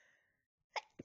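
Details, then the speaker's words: Person with a persistent nasal tickle in a long run of sneezes, build-ups and stifles, on a weak microphone: a faint fading sound, a pause, then a short sharp sneeze burst and brief exhale. "Oh god. These sneezes feel so good, but it tickles so much."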